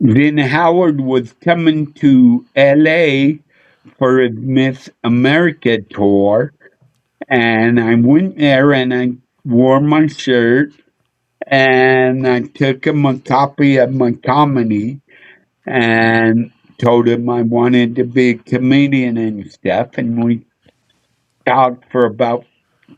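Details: Adult male with a neurological problem; MRI showed an underdeveloped back of the brain; head hit a dashboard in a car accident when younger; real condition; slurred speech mistaken for drunkenness.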